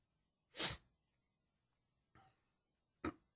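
Three short dry coughs, one loud and two softer, in a quiet room; a cough brought on by allergy.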